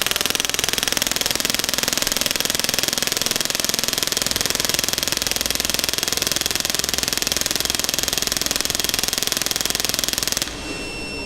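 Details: Rapid, very regular mechanical clacking pulses for about ten seconds, then an abrupt stop: a shockwave therapy device firing at high frequency (about 19–21 shots per second) with lower force, finishing a preset 500-shot limit.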